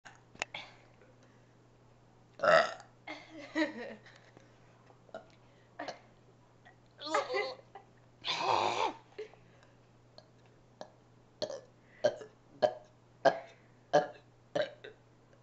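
Repeated loud burps, one long and drawn out, then a run of short burps; belching.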